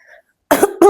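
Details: Adult woman, 35, feeling unwell and reporting some wheezing, gives a short double cough: two loud bursts after a faint quiet sound.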